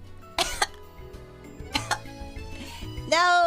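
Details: Harsh coughing bursts with throat clearing over background music, ending in a vocal outcry; choking-type cough while trying to drink water and speak as a hiccup cure.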